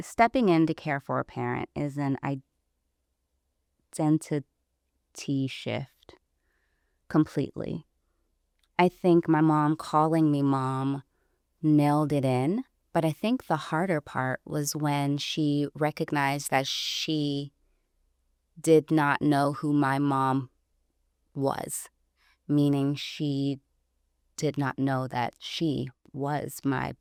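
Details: Adult woman, a caregiver, who self-identifies as a person who stutters, speaking in conversation; stuttering.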